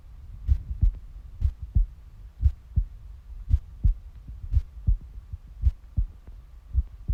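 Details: Steady paired thumps of a heartbeat, roughly 90 to 95 beats a minute, with a faint background hum.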